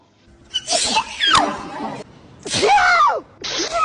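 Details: Sneezing compilation of celebrities: several sharp, explosive sneezes from different people in quick succession, with a brief voiced sound among them.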